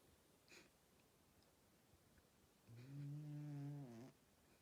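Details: Loud snoring in an old male cat.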